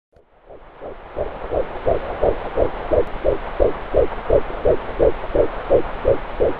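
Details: Rapid, regular whooshing thumps of a fetal heartbeat at about 170 beats a minute.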